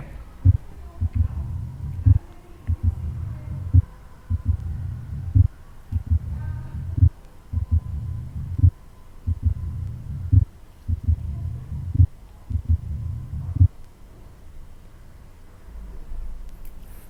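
Low heart sounds with a loud first sound and a low rumbling diastolic murmur, typical of mitral stenosis.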